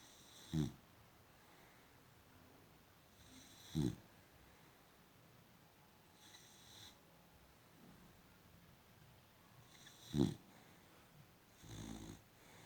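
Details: Brief snorting snores at irregular intervals, with a softer breathy snore near the end, from a sleeping female boxer dog in a quiet room; snoring.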